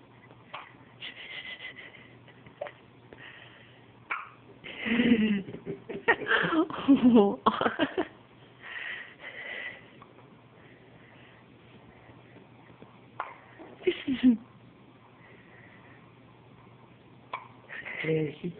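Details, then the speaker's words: Newborn baby girl recorded in hospital on the day of her birth, her first hiccups: brief, abrupt catching sounds recurring every few seconds among soft noises and quiet voices; infant hiccups. "No, she just has the hiccups."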